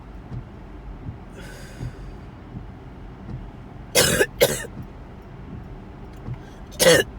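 Low vehicle rumble, then two harsh cough bursts close together and a third a few seconds later; a coughing episode.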